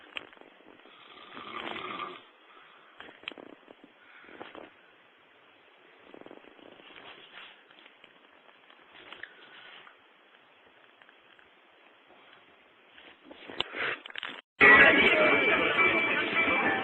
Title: The Big Snore